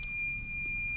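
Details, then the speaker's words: Infusion pump training demo simulating an empty solution bottle with no drops detected by the drop sensor: steady high-pitched electronic empty-container alarm tone. "Let's say empty solution. There's no drop detected. Presume this bottle is empty."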